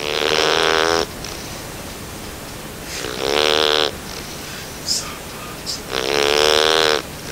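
Loud buzzing snores, three in about seven seconds, with quiet pauses and small snuffles between them; a puppy snoring in sleep.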